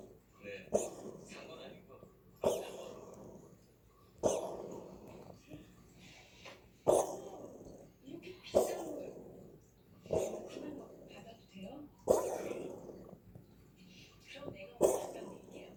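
Quiet repeated hacking coughs with sharp onsets, about eight in sixteen seconds, from a coughing cat.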